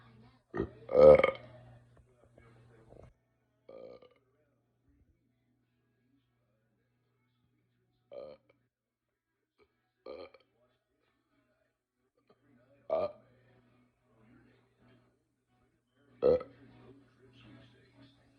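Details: Long session of burping from a person not feeling well that day: repeated loud, low voiced burps, about six over eighteen seconds, separated by silence.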